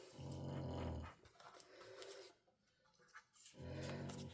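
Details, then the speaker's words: Snoring from Lexi, a 12-year-old female dog in advanced heart failure, sleeping: two loud, low, rattling inspiratory snores about 3.5 seconds apart with quiet breathing between. "I never said, that's Lexi, you can hear snoring if you're new to my channel. She's my little girl."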